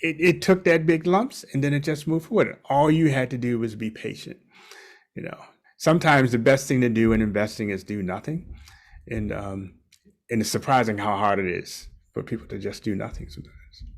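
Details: Adult man speaking; no speech disorder.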